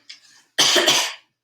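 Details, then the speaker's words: Single forceful voluntary cough after a brief in-breath, cued after saying "ah" during a swallowing assessment with nectar-thick liquid; clear, normal quality. "all right i'm gonna cough all right all sounds normal"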